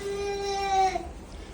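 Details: Crying baby, one of twin boys, gives a single sustained wail, clear and tonal, trailing off after about a second, in a quiet room; infant crying.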